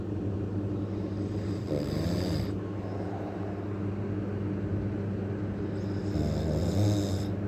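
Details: Low rumbling snore over steady low background noise, with a couple of louder rattling snores: ordinary snoring.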